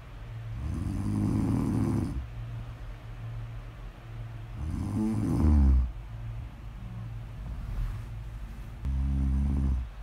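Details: Loud, low rattling snores on in-breaths, about 15 breaths a minute, with quieter breathing between; snoring during sleep.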